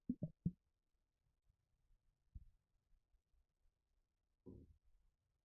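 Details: Stomach after drinking a can of Red Bull energy drink, causing gassiness: soft low bubbling gurgles in short clusters against near silence; stomach gurgling (borborygmi).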